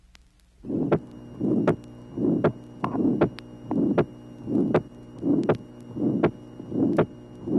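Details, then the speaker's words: Teaching heart recording from 1967, tracing 17: regular heartbeat near 79/min, rough pulmonary ejection murmur each beat with a single, unsplit second sound; low pulmonary valve pressure gradient, unlike atrial septal defect. "tracing number 17 ejection murmur in a patient with a low pulmonary valve pressure gradient the second sound is not split as is the case in inter atrial septal defect"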